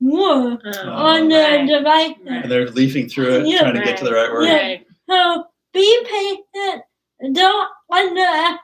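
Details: Adult speaker; typical speech.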